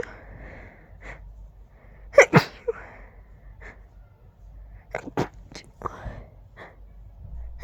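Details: Very stifled, huge allergic sneezing fit: two loud bursts and several smaller muffled sneezes with breaths between, described as tickly and fast, with the urge to sneeze on every breath.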